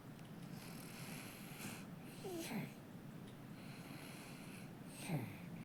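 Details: Sleeping baby snoring comfortably: soft, irregular snorting breaths about 23 a minute over steady room noise; ordinary infant snoring.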